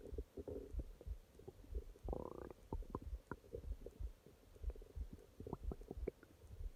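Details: Nighttime stomach growling from an adult abdomen: irregular gurgles, low rumbles and brief squeaky pops, with a longer bubbling gurgle midway; ordinary bowel sounds (borborygmi).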